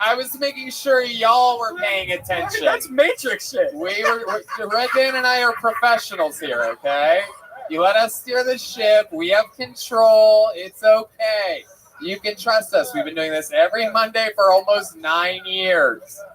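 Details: Adult man; ordinary speech.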